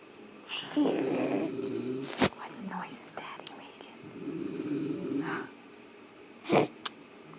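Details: Young girl imitating her father's snoring, making two long, rough, rattling inhaled snore sounds with a pause between; imitated, not real, snoring.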